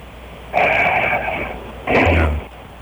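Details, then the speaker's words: Man's snoring recorded during a radio call: after a quiet stretch of shallow breathing, loud snoring breaths return in a regular rhythm, snoring resuming after a breathing pause. "No, he's back. He's back to his rhythm. See all that shallow breathing? It's got to be followed up by some big ones."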